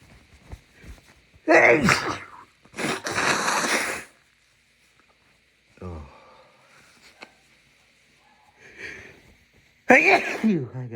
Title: Left over cold sneezes